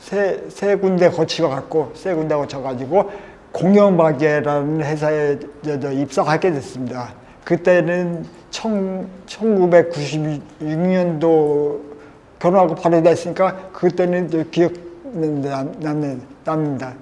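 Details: 53-year-old man with multiple system atrophy, attributed to pesticide-type chemicals used over 18 years of pest-control work; he finds standing and speaking difficult; dysarthria in multiple system atrophy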